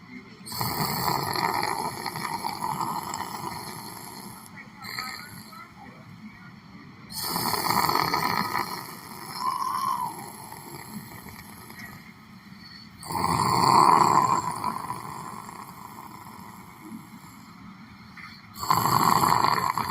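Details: Loud, rough breathing noises recur every few seconds, about four to five in twenty seconds, in a noisy room: snoring from a person sitting down at a Bronx library center, meditating or sleeping.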